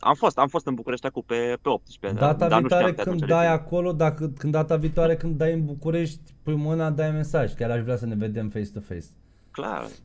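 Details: Adult man speaking Romanian; Ordinary conversational speech.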